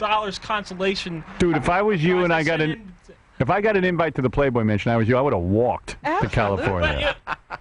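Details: Adult male speaker; fluent speech.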